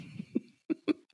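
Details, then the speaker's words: Adult speaker recovering from a cold, with a lingering cough during long talking: three short, fairly soft cough bursts in quick succession in a quiet room. "But if I talk for a long period of time, I will cough occasionally. It's just how things are working."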